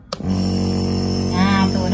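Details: Compressor nebulizer switched on and tested before use for a young child (Azufi) with nearly a month of unresolved cough and cold after fever: a click, then a steady loud mechanical hum and buzz of the nebulizer running.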